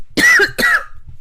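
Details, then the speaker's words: Adult with an uncontrollable, constant cough that keeps interrupting their talking: two sharp, harsh cough bursts in quick succession, part of a persistent coughing bout. "I'm going to stop this video because I'm just coughing my whole way through it."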